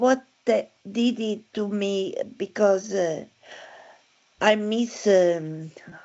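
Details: Aphasia in a woman after a stroke in December 2016, with word-finding difficulty; aphasia.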